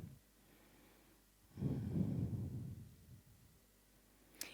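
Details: A single low, sigh-like grunt or snort out of quiet room noise: a phonic tic, shown in a neurology teaching video.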